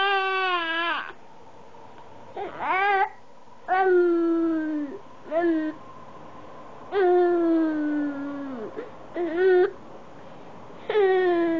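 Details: Five-month-old infant crying: repeated short, falling wails with brief pauses between them in a quiet room.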